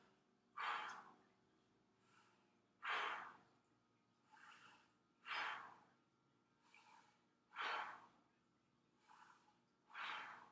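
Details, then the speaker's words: Adult patient breathing deeply in and out while anterior chest breath sounds are auscultated during a physical assessment; steady regular breaths, louder inhales than exhales, about 25 a minute; normal breathing. "no in the front and then we're going to listen to your breath sounds take a deep breath in and out"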